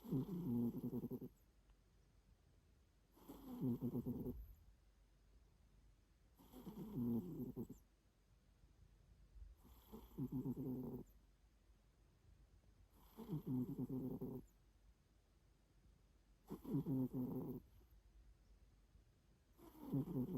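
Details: Owner unsure whether it is snoring or grunting: rhythmic low rumbling sounds on each breath, about 19 a minute, with quiet gaps between; steady snoring.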